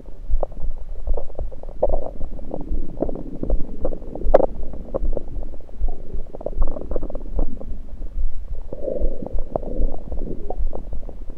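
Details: Abdominal gurgles recorded with a USB electronic stethoscope over the stomach, not during digestion but with liquids and air present: continuous low rumbling with frequent gurgles and pops, active bowel sounds.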